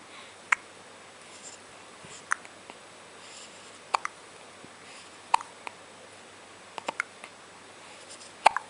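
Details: Hiccups: brief, sharp hiccup sounds at irregular intervals, about 19 a minute, in a quiet room.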